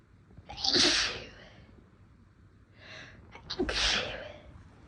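Two forceful, hissing sneezes, each preceded by a brief catching in-breath; ordinary induced sneezes.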